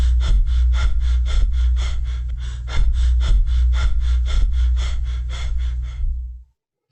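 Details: Biot's respiration: clusters of breaths differing in amplitude and number, separated by fairly constant periods of apnea; audio sample of an abnormal breathing pattern.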